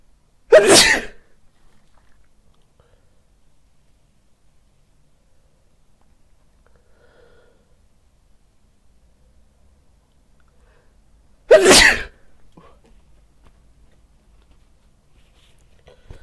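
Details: Two loud, sudden sneezes about eleven seconds apart, with quiet between, from a person dressed as Santa Claus wearing a facial mask and white headphones.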